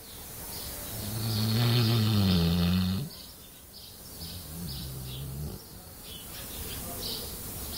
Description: my big white labrador "sayler" snoring while in a deep sleep